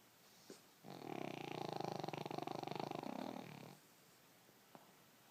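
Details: Boston Terrier dreaming while asleep, giving one long, fluttering, rattling snoring breath in a quiet room.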